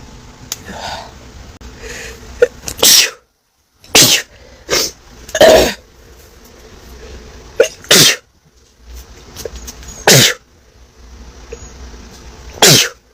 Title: I had an intense sneezing attack. #sneeze